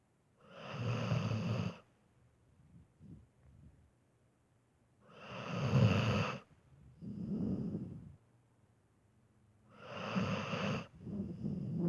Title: My dog snoring while sleeping for 88 seconds straight ●3●